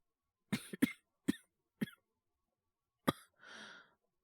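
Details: Male voice actor recalling his own influenza that turned into bronchitis, acting a morning with a scratchy, sore throat: five short dry coughs in a quiet room, then a breathy exhale; an acted cough of a cold turning into bronchitis.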